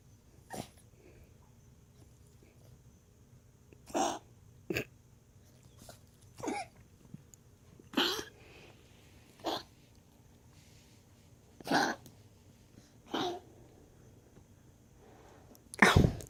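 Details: Resting dog gives about ten separate short, harsh coughs or huffs, a few seconds apart, over about sixteen seconds.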